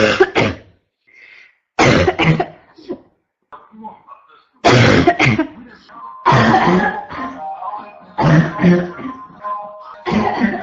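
Frequent harsh coughing bursts, nearly continuous, with faint background music; a persistent barking cough.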